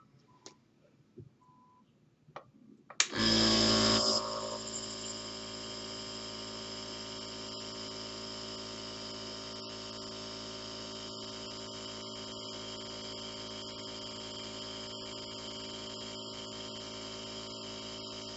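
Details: Jet nebulizer for an adult's twice-daily asthma breathing treatment, held in the lap while sitting upright: a few soft clicks, then the machine starts with a loud burst and settles into a steady buzzing hum.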